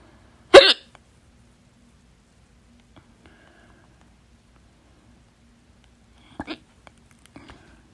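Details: One loud, abrupt hiccup, then a second softer hiccup several seconds later with near silence between; strong hiccups attributed to trapped gas from very fizzy soda and a painful burp, not stopped by breath-holding.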